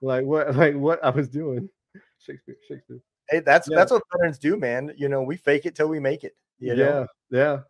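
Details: Adult male speaker; normal speech.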